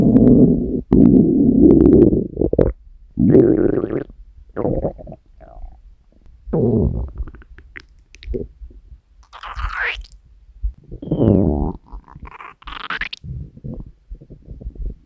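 Loud rumbling stomach growls with rising squeaky gurgles, ordinary hunger borborygmi.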